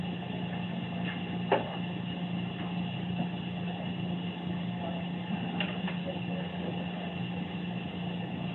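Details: Steady low mechanical hum of a nebulizer compressor running throughout, with faint room sounds, during a respiratory student's simulated breathing treatment on a simulation patient with breathing problems; nebulizer compressor running.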